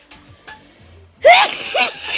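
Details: Sneeze recorded on holiday near a dishwasher, just after eating; the sneezer suspects something eaten. A few soft sounds, then a single sudden loud burst with a voiced cry.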